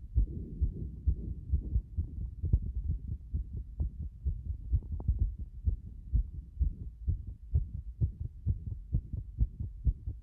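Fast, regular low heart thumps at about 130 beats a minute, a rapid heartbeat.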